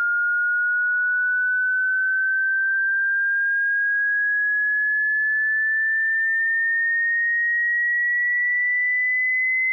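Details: Tinnitus pitch-matching frequency sweep with a digital indicator for each tone: a single clean, whistle-like pure tone climbing slowly and steadily through a mid-high range with no background.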